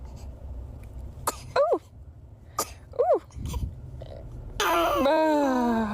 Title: The cutest baby sneezes 😍🥰🩷🤭 #funny #baby